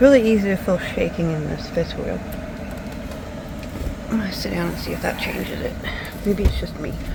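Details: Speech impediment from missing teeth in an adult woman whose teeth were pulled. She is still learning to talk without any teeth, is awaiting dentures, and had a speech impediment before the extractions.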